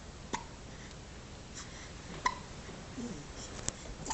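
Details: Several brief, sharp clicks spaced irregularly over a few seconds against room noise; hiccups.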